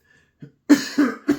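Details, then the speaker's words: Adult in a spontaneous coughing fit gives three quick, forceful coughs in a row, coughing so hard that gas is passed; cough. "did you hear that I just fart and I was coughing so hard I couldn't stop myself from farting"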